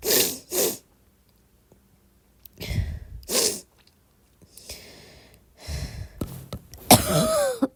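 Several short, breathy coughs in pairs, some fairly sharp, with quiet pauses between them. Ordinary coughing.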